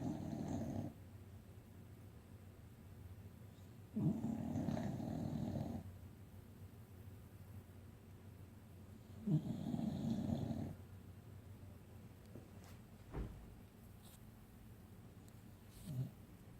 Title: Treasure snores